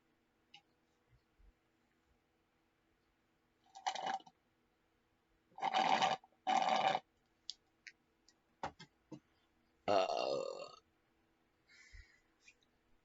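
Four or five low, rumbling belches of varying length in a quiet room, typical of burping.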